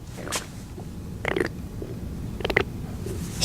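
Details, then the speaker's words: Weird stomach rumbling (borborygmi) from a man's belly; he is hungry, has not drunk anything, and says his stomach hurts and he feels like throwing up. "okay this is a weird noise from his belly"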